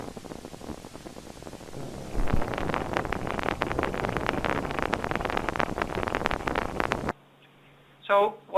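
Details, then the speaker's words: Needle EMG of the deltoid at rest, without muscle activation, in a man: rapid, steady crackling clicks showing irritability with complex repetitive discharges and fibrillation potentials. "do you have here on the first recording of those five myotonic discharges and on this recording has lots of irritability that includes crds and fibrillation potentials"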